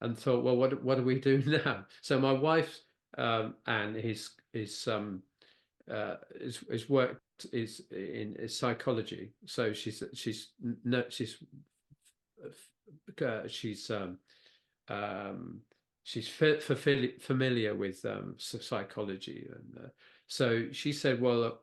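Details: Non-fluent aphasia with word-finding difficulty in a man who had a stroke (a brain bleed affecting Broca's area) at age 69.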